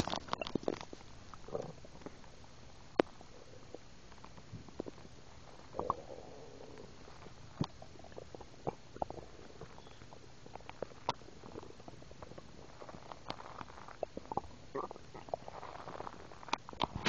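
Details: Irregular gurgles, clicks and low rumbles from the abdomen after drinking milk: active bowel sounds (borborygmi).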